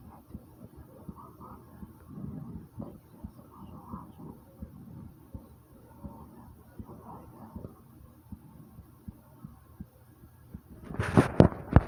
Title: My heartbeat after i woke up and stomach growl ❤❤